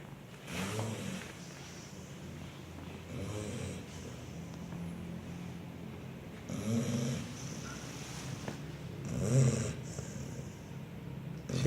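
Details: Slow, low rumbling snores with soft snorting breaths, roughly one every few seconds, over faint room noise: snoring.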